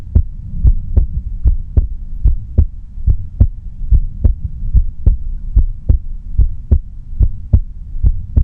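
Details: Steady, regular, low thumping heartbeat at about 73 beats a minute with a faint hum underneath, recorded quietly with no talking; a normal heartbeat.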